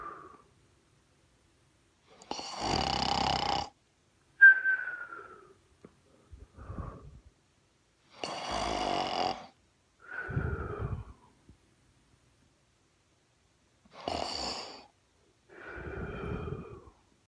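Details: Imitated snoring impression: rough, rattling inhaled snores alternating with whistling out-breaths, about four cycles; simulated, not real.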